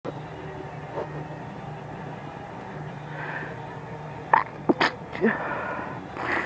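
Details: Adult woman having a late-night sneezing fit in bed beside her husband: several short, stifled sneezes in quick succession over a steady background hum while trying to stay quiet.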